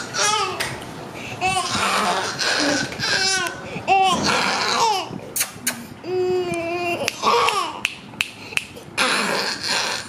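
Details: Infant waking from general anesthesia after surgery, at extubation: fretful, broken crying and whimpering over background music and clicks; infant crying on emergence from anesthesia.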